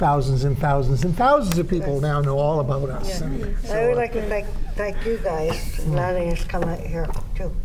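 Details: Aphasia in an adult woman after three strokes in 2011, with about six months of hospitalization.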